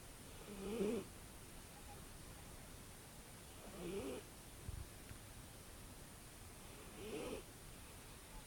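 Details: Soft snoring breaths, about 19 a minute, with a faint whistle on each breath, from a sleeping cat that snores and whistles.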